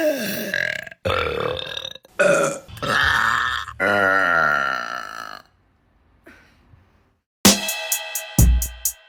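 Several loud, drawn-out belches in a row, some long and rumbling, followed by a brief musical sting. Repeated burping.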